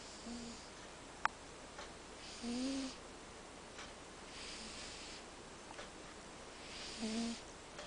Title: !!Cat SNORING !!! caught on video!! =3